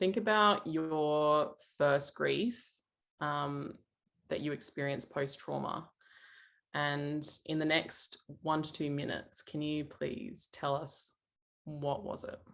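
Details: Adult male speaker; normal speech.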